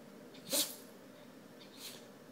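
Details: Dog that dug in a flowerbed and apparently got into sprinkled red pepper: one sharp, hissing sneeze followed by a softer snort-like sneeze; sneezing.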